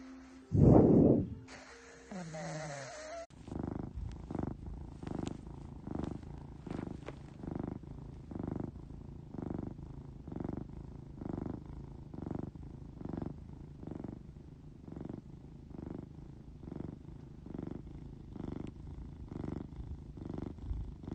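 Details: A male cat's last snore and purr before he died: a low, steady purr in rhythmic surges with each breath, mixed with soft snoring.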